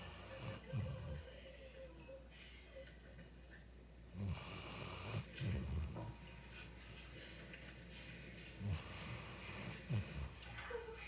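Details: Sleeping Ridgeback dog snoring again: low, rattling snores with snorts, repeating every few seconds over steady room noise; snoring.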